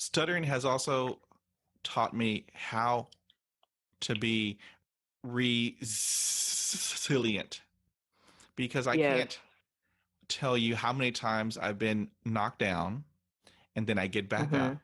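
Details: Adult woman who stutters, interviewed on a stuttering podcast, reporting stuttering hindered her job search and interviews; stuttering.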